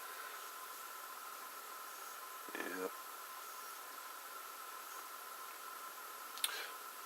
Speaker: my tourette's my tics the mouth the way i talk like click my teeth or flick my tongue it kind of gets uh it's it's kind of bad